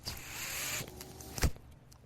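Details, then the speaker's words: Soft whoosh of air under a second, then a sharp valve-like click and quiet hum as the speaker's own mechanical ventilator delivers a breath during a podcast recording; mechanical ventilator noise. "my name is that noise you're hearing is my ventilator thank you for tuning in to only what you take with"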